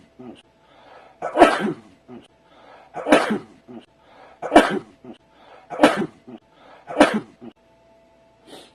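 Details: Five sharp sneeze bursts, each preceded by a short in-breath, in a recording that has been sped up and slowed down; sneezing.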